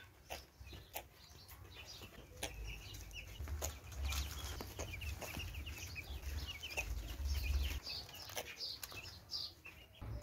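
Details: Flock of broiler chickens in a barn making short, repeated chirping and clucking calls over steady low noise; a sound that is common in hot summer weather and was mistaken for illness; a harmless respiratory sound.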